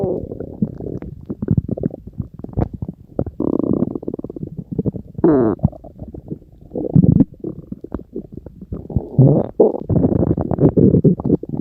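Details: Stomach growling: low gurgling, bubbling and squeaky rumbles from the belly, continuous and irregular, consistent with ordinary bowel sounds (borborygmi).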